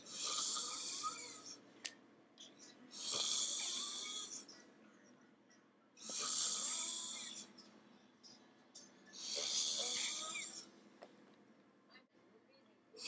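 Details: Frequent snorer, described as having a severe snoring problem: slow, hissing, breathy snores about every three seconds, thin and airy rather than rumbling, with faint room noise between; snoring.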